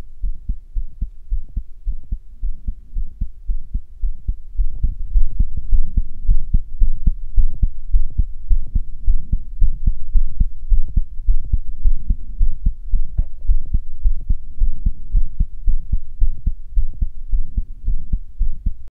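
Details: Own current heartbeat recorded with a stethoscope microphone: steady low thumping heart sounds with a faint steady hum behind them.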